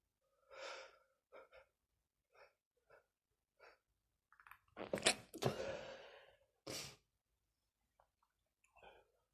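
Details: Two sharp sneezes, a loud burst near the middle and a second shortly after, preceded by short nasal sniffs and breaths from a person with a stuffy nose; sneezing.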